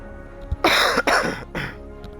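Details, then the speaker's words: Three harsh, quick coughs from an adult who mentions ongoing health troubles, heard over soft background music; cough. "I've been taking longer um extension breaks because one chair size you can hear me coughing like a [ __ ] [ __ ] um"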